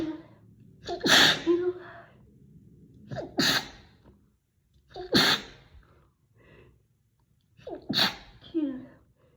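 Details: Induced (not natural) loud, high-pitched "girly" sneezing: four loud sneezes, each with a sharp in-breath before the burst, with sniffing between; repeated sneezing.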